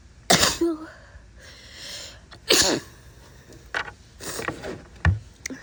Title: snotty sick sneezes (f)